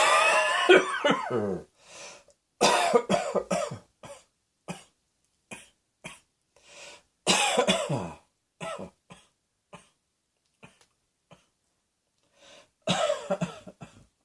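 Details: Repeated harsh coughing fits, each a run of several coughs with short pauses and throat clearing between them.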